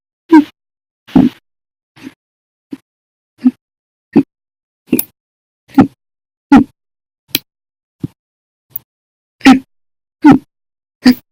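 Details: Bout of violent, loud hiccups lasting 13 hours 32 minutes, starting after breakfast, lunch and a cup of soda after dinner: sharp, voiced hiccups recurring about 75 a minute, irregular in spacing and loudness. Persistent hiccups.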